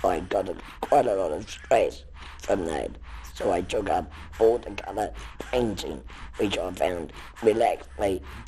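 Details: Laryngectomee speaking with an artificial larynx, an electronic device held against the neck whose sound passes through neck tissue into the mouth for articulation; electrolarynx speech.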